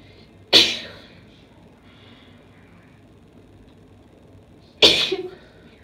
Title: Soft Sneezes (F) Cold Weather